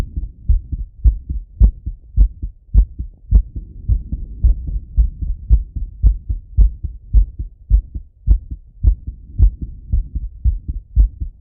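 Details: Male, self-auscultation with stethoscope after a workout set: strong, quick, regular heartbeats about 105–110 per minute; raised heart rate after exercise.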